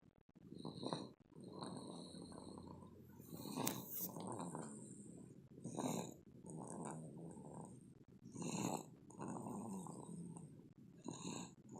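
Soft, rough, fluttering breaths with a low rattle, about 22 a minute, and faint whistly snorts: snoring during sleep.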